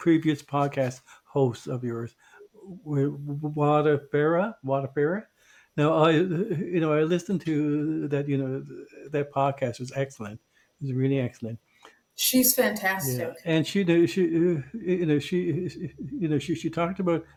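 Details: Podcast co-host who identifies himself as a person who stutters. Finding: stuttering.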